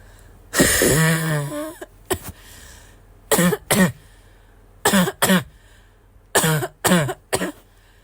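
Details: Wheezy barking cough in an adult: harsh, barking coughs, several in pairs or triplets, with a wheezy, whistling tone.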